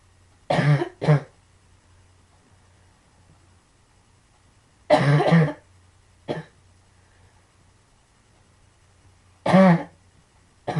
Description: i am coughing like crazy!! i have sarciodosis in my lungs which makes me cough like this...ugh